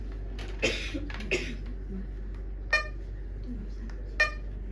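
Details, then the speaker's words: Two short, sharp electronic alarm beeps from a syringe pump indicating AC power disconnected, heard while a syringe pump setup is demonstrated. "Dia dibilang AC power-nya enggak enggak terdiskoneksi ya. Dia maunya ini dinyalain nih."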